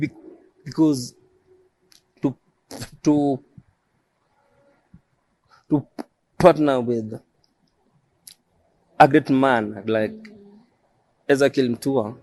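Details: Adult male who stammers, self-described as neurological and present since birth. Finding: stuttering.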